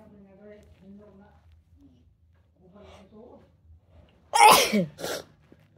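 Soft murmured voice sounds, then a sudden loud explosive sneeze followed by a smaller second burst; wet sneezing triggered by tickling the nose.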